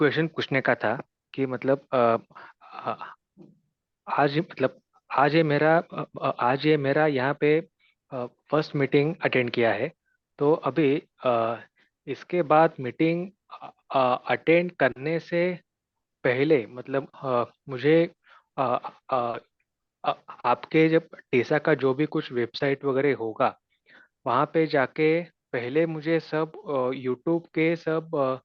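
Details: New member of a stammering self-help group asking a question during a Hindi-language group session, with word repetitions heard; stuttering.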